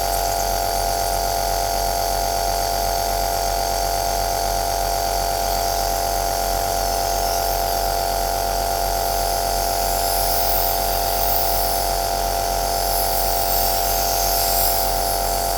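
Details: Aerosol nebulizer compressor running, recorded as white noise for sleep: steady loud mechanical hum with a fast, even pulsing buzz throughout.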